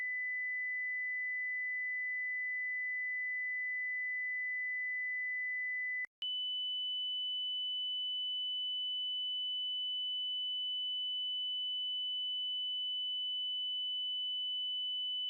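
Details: Simple headphone hearing self-check tones from a test sweeping 50 Hz to 8000 Hz: a steady mid-high pure-tone whistle, a brief gap, then a higher tone.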